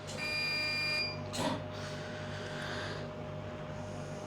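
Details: Hestia-S CO2 fractional laser on fractional setting during a face resurfacing treatment on a patient: a steady electronic tone and hum, then a brief hissing burst as a single shot fires, over room noise.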